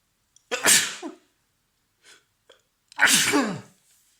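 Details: Person with a cold and completely stuffed, blocked nose, sneezing repeatedly in sets with short breaks: two loud, explosive sneezes, each preceded by a quick sharp intake, with soft sniffles between; repeated sneezing.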